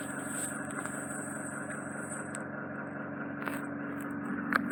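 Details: Ear wax microsuction: steady high hiss with a low hum and brief scraping crackles as wax is suctioned.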